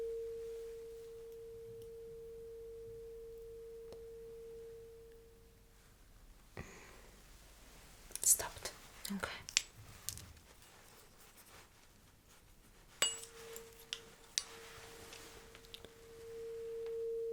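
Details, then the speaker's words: Simulated medical roleplay cranial nerve exam: a tuning fork is struck and placed behind the ear for a hearing test. Its steady pure hum fades, then returns after handling noises. "So what I'm going to do is to put this tuning fork right behind your ear and you will let me know what the vibration along along with the sound stop."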